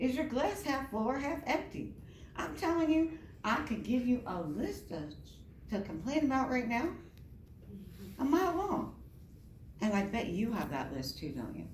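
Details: Adult woman with myasthenia gravis since age 7 (about 45 years), apparently without her custom palatal device; palate fails to close so air escapes through the nose during reading; hypernasal speech.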